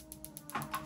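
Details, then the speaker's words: Focused shockwave therapy with a Piezowave2 device during a physical therapy session for wrist pain, intensity being raised to level 3: regular soft clicking pulses, about eight per second, over a low hum. "And then once I feel better that means that tissue is released. Um and then I can go um other place or I can increase the intensity. So I'm going to increase to three."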